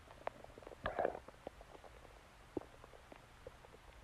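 Soft gurgles and squelching bubbles with a brief louder rumble; ordinary stomach growling.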